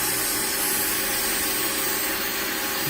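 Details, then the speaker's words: Steady high-pitched grinding hiss as an electric burr flattens a man's thick, uneven foot callus at lowered speed, after the patient found the vibration uncomfortable. "okay i'm just gonna grind it down though a little bit more work to do here just going to flatten out the uh"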